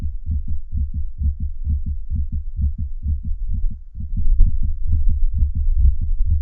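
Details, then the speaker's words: Fast, regular low heart sounds with an extra soft late-diastolic beat shortly before S1 in some cycles: intermittent fourth heart sound (S4 gallop), at a slightly faster heart rate. "we'll start by listening to an s4 sound that comes and goes [Music] and we'll listen now to an s4 that comes and goes with a slightly faster heart rate"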